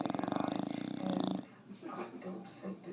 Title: Don The Bulldog Snoring